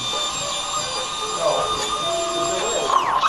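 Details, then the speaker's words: High-speed surgical drill during facetectomy for interbody spacer placement in a minimally invasive L4-5 TLIF on a 78-year-old man with chronic low back pain: steady high-pitched whine rising and falling in pitch as it cuts bone, faint room noise. "I feel like a dentist right now. This is basically a dental drill."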